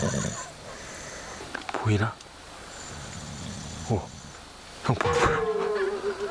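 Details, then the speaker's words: Man asleep at 4:44 a.m. on a cold overnight outing: loud, rough, low-pitched snorts recurring every couple of seconds against a steady room hum; snoring that kept others awake. "형 코 고는 거를 생중계로 들려드릴게요."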